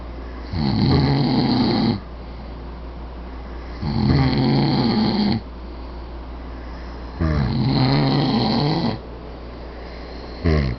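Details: Two people sleeping after a night out, snoring loudly (suspected sleep apnea): rumbling snores on each in-breath, about three in ten seconds, over steady background hum.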